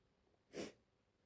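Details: Female with allergies, congested and a runny nose, at the end of a sneezing fit: a single short, soft, hissing sneeze in a quiet room.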